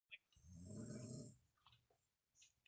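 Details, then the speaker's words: Mother asleep, snoring loudly: one loud, rough, rattling snore on an in-breath, followed by quiet room noise. "i actually just got off of work but i thought it was funny how loud she was snoring"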